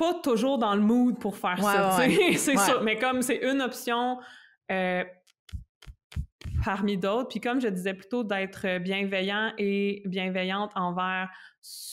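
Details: Adult woman who stutters, with blocks, eye closing and head movements, a doctoral candidate in speech-language pathology; stuttering.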